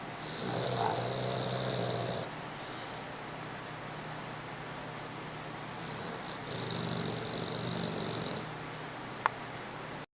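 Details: Sleeping dog snoring: two long, fluttering, whistly snores separated by a quiet pause.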